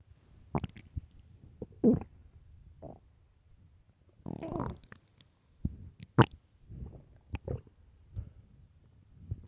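Irregular gurgles, squeaks and rumbling growls from a hungry stomach; ordinary hunger bowel sounds.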